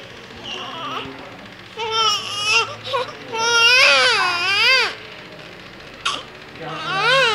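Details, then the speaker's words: Newborn baby's first cry after 2 days in the nursing room, said to be hungry: bursts of rising and falling crying with pauses and soft whimpers between them, in a small room, a newborn hunger cry. "Nagugutom na si baby."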